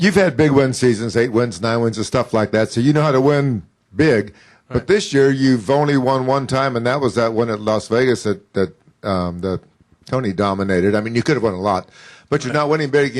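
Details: Adult male speaker; normal voice.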